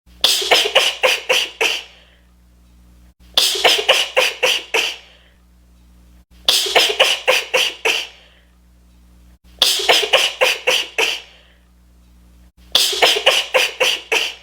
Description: Her sneezes come out super fast and uncontrollable I love them!